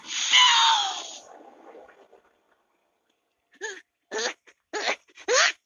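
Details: Animated character Diddy Kong, who has a cold, sneezing: one sharp, high sneeze burst fading out, then short cartoonish vocal chatter.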